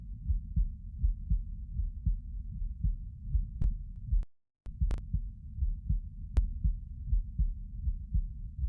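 Muffled, regular thump-thump heartbeat at about 80 beats a minute, with a brief dropout partway through.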